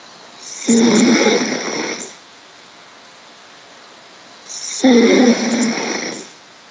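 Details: Snoring recorded over a Skype call: two loud, rough snores on inhaled breaths about four seconds apart, quiet between them.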